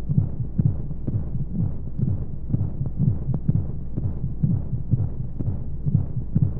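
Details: Womb-sound sleep aid for babies with white noise: muffled rapid regular heartbeat pulses within a steady low whooshing noise of flowing sounds, a womb heartbeat sound.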